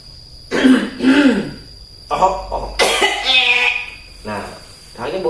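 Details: Acted nursing demonstration with an adult woman patient: three deep breaths, then short forceful coughs and throat clearing; effective coughing technique to clear phlegm, taught with chest therapy.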